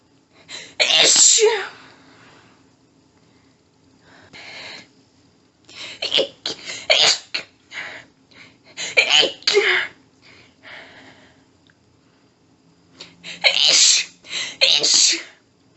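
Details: Female with a tickly nose all day and earlier sneezes in doubles or sets of four, no known trigger: a rapid run of very strong sneezes in quick clusters, with panting breaths between them as she struggles for breath; paroxysmal sneezing fit.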